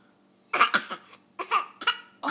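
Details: Voluntary fake cough: a young girl, sick the prior week, deliberately fakes a cough for attention with several short, forced, voiced bursts.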